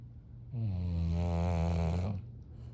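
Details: A sleeping bulldog gives one long, deep, rattling snore lasting over a second and a half; ordinary rhythmic snoring.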